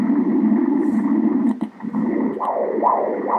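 Rhythmic whooshing Doppler pulses, about 135 a minute, over a steady hum; a normal, regular umbilical artery Doppler flow signal at 34 weeks.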